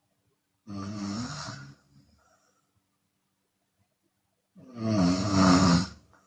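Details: Open-mouth snoring from a Chinese woman during sleep, sometimes on exhale: two loud, rasping snores separated by silence, with an airy exhale after the first.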